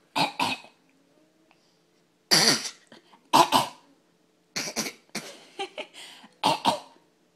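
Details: Dog imitating its owner by growling and coughing: several short, harsh cough-like bursts, mostly in quick pairs, an imitated rather than true cough.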